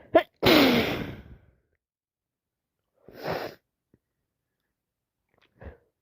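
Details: Allergic sneezing: a quick intake, one loud sneeze, then a second smaller sneeze and a faint third with silence between, after buying flowers.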